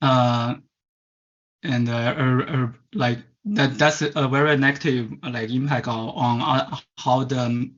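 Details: Stuttering in a Chinese adult who stutters; as a child of about 10–11 attended a commercial stuttering "fix" course.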